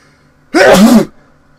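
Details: A single loud, forceful adult sneeze lasting about half a second, with quiet room noise around it, recorded while vlogging.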